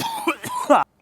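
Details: A brief burst of two or three rough, throaty coughs from an adult man who is sick with lost voice.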